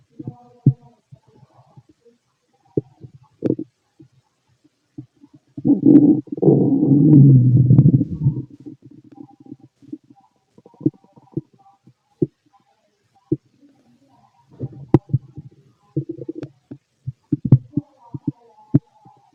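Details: Normal bowel sounds (borborygmi) from a fit adult male's abdomen heard through a stethoscope: scattered low gurgles and clicks with a longer rumbling growl, ordinary stomach growling.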